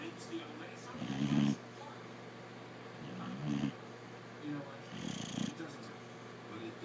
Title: snoring